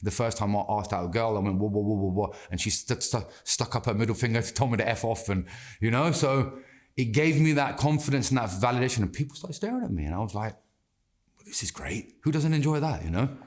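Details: Adult man who has stammered since childhood, persisting into adulthood; anxiety and stress make speaking harder, and slowing down and taking a breath helps him control it; stuttering.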